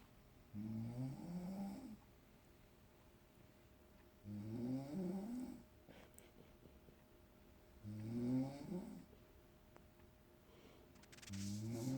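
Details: Mother snoring while asleep in a hotel room: regular rumbling snores about every four seconds, roughly 17 a minute, in a quiet room.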